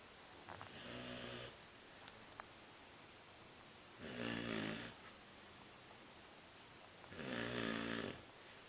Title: Luna snores....